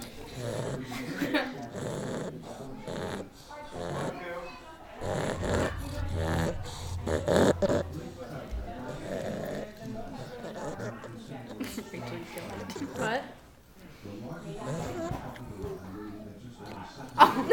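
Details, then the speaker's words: An overweight pug breathing noisily while awake, sounding like snoring; the owner suggests his tongue is too long for his mouth. "Your tongue is too long for your mouth. That's why you breathe like that?"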